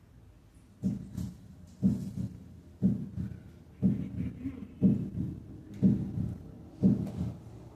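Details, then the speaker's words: Normal first and second heart sounds at the tricuspid area in a veterinary teaching recording, 60 beats per minute; S1 is louder than S2. "escuchemos ahora el primero y segundo ruidos normales en el áa tripia nótese que s1 es más sonoro que s2 primero con una frecuencia de 60 ldos por minuto"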